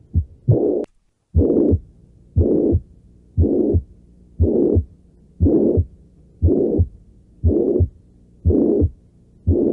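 Simulated heartbeat, regular at about 59 beats a minute, each beat with a soft whooshing sound filling the gap between the two heart sounds.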